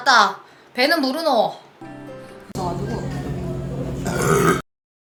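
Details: Korean livestreamer's burp compilation: loud, drawn-out voiced belches one after another, with music playing behind them; burping.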